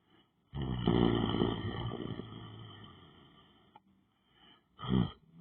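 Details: Person lying down on the floor asleep: a long, rough, rumbling breath fading over several seconds, then a second shorter rumble; snoring.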